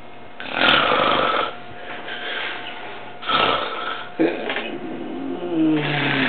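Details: Loud rattling snores on the in-breath from a man (the recorder's dad), about three in six seconds, with quieter breathing between; snoring.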